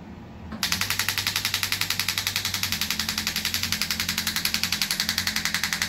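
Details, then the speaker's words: Radial shockwave therapy with a smaller head applied right on the joint and bone of an arm wrestler treated after past surgery; rapid, steady tapping at about 220 pulses a minute over a low hum, described as far gentler than before. "Yeah, that's way more gentle, just smaller head. And that's because we're right on the joint now. Right on the bone. Yeah, totally different feel, like nowhere near as violent."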